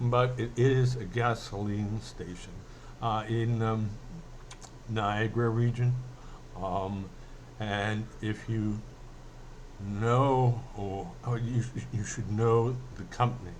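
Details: Stuttering in an adult male who says he mainly stutters when emotional; he is speaking emotionally here.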